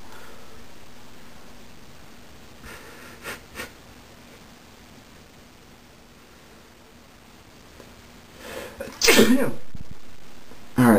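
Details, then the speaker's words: Person sneezing with eyes closed, a real sneeze rather than a faked one: quiet room, then a sharp inhaled build-up followed by one loud explosive sneeze, with a brief sound at the very end. "one was one sneeze with my eyes closed and uh let's see if I can get myself to sneeze with my eyes open again"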